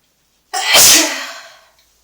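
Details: Person sneezing in a bathtub: a single sharp, explosive sneeze with a brief echo.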